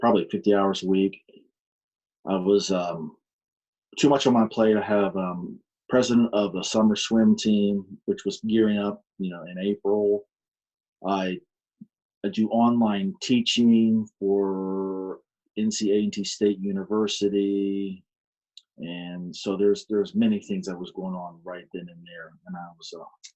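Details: Adult man with aphasia following a stroke on March 22, 2019, which affected his speech; he still attends aphasia programs; aphasia.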